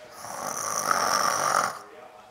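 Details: Young boy imitating how his father snores, awake: a single long, rasping, buzzing breath; simulated snoring, not real sleep breathing.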